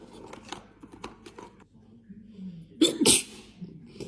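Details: Rustling and faint vocal sounds, then one loud, forceful sneeze set off by a self-administered nasal swab during Covid testing; person says she hates the feeling in her nose and has tears.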